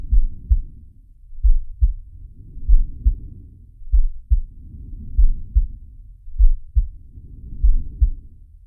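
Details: Heartbeat with breath sounds of the cartoon shark Sharko from the Zig and Sharko animated series: regular double-thump heartbeat, about 48 a minute, with soft rising and falling breaths, about 25 a minute.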